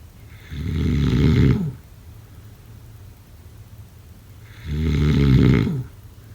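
Two loud, low, rattling snores about four seconds apart, each lasting around a second, with quiet breathing between: snoring.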